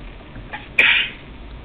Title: sneeze attack